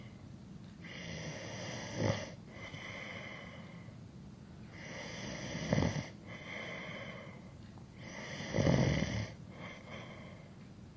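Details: Adult male snoring during sleep, from a long sleep-aid recording: rough, rumbling snores on inspiration, about three in eleven seconds, with quieter breathing between.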